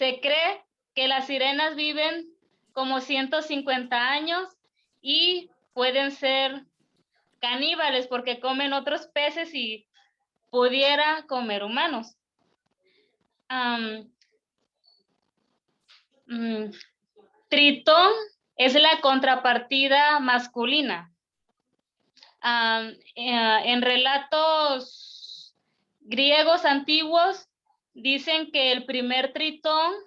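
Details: Stuttering in an Argentine man, first-time participant in a stuttering presentation-practice group, giving a deliberately unprepared talk because he is having problems with his spontaneous speech.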